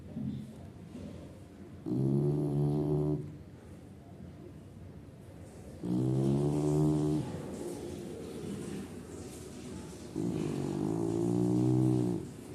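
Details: Chow Chow dog snoring: loud, deep, buzzing snores on the in-breath, about three in twelve seconds, with quiet breathing between.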